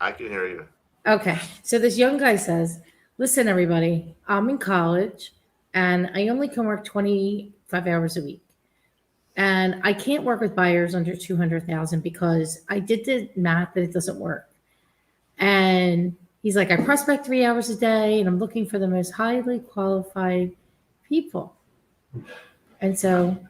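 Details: Adult speaker; typical speech.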